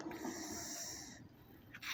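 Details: Harsh, hissing, rattly airflow through a tracheostomy after a jog, with mucus crusted on the trach; he also smoked half a cigarette that day. Laboured noisy breathing.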